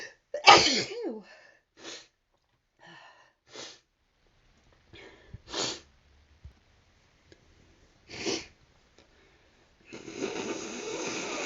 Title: Gotta sneeze.....